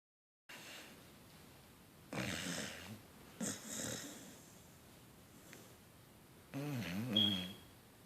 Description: Poor tired beagle snoring, twitching and waking up startled.